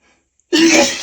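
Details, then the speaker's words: An adult's single loud, abrupt, voiced sneeze within a long bout of repeated, uncontrollable wet sneezes. "Gonna sneeze again. Phew. I can't stop. I can't stop sneezing."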